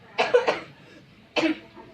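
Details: Student acting out a demonstration of proper coughing etiquette during Covid-19: three short, dry cough bursts, two close together, then one more after a pause; staged cough.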